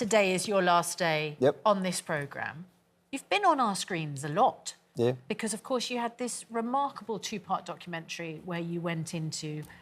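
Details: Adult female presenter; Normal fluent speech.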